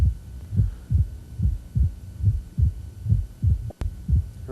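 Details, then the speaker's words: Opening snap of rheumatic mitral stenosis, heard just inside the apex with the stethoscope turned over from the bell: a sharp early diastolic snap in an adult heart at about 71 beats a minute. "then we turn the stethoscope over move inside the apex so we hear the opening snap of rheumatic mitral"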